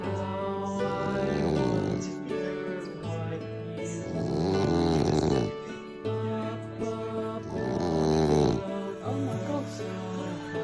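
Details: Rhythmic, rumbling, grunting snores every few seconds from a sleeping French bulldog, a flat-faced breed, partly covered by background music; snoring.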